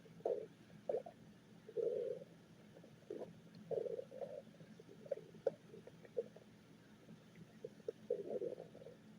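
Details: Irregular low gurgles and short rumbles over a steady hum: stomach growling (borborygmi), with the person saying they are very hungry.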